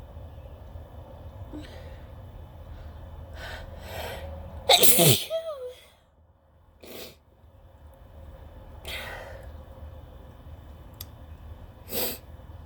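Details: Single loud, explosive sneeze with quieter breaths and small sounds over a low hum: a natural sneeze in late spring, attributed to pollen from grass, tree cotton and other blooming plants, no sneezing powder used.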